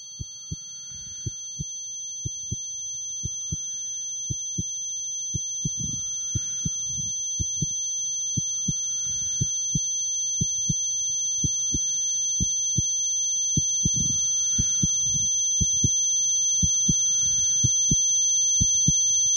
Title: What does my tinnitus sound like?